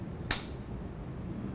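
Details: Transcranial magnetic stimulation demonstration on an adult lying down, coil over the motor cortex to evoke leg and arm movements: one sharp, brief click of the coil pulse over steady room hum.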